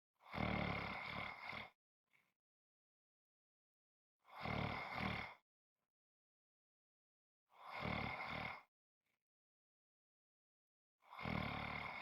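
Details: Heavy snoring with loud, rough rattling noises on each breath and quiet gaps between, about 20 breaths a minute.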